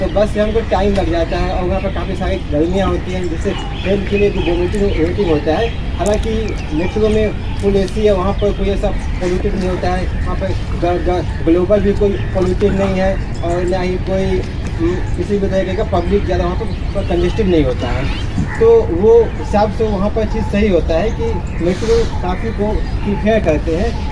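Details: Adult Hindi-speaking man who says he has stammered since childhood; he attends a stammering self-help group; stuttering.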